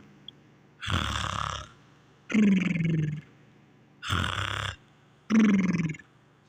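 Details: Simulated snoring and purring from a Fraggle Rock puppet on a TV show: alternating rough, rattling inhaled snores and lower droning exhales, about 20 a minute.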